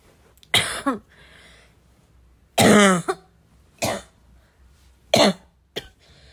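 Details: Five short coughs and throat-clearing bursts in quick succession, with quiet gaps between; an adult coughing fit.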